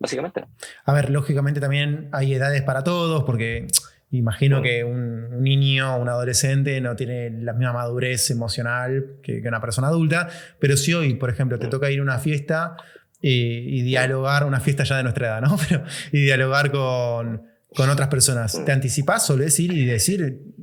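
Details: Stuttering in an adult man, speaking Spanish in an interview.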